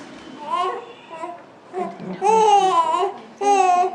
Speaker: what your baby now is saying is the word hair which is the word for uncomfortable so which means she's probably a bit hot